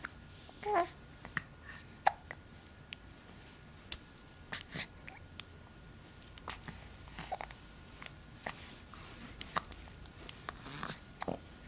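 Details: Several short, abrupt hiccup sounds at irregular intervals in a quiet room, some with soft vocal catches: hiccups.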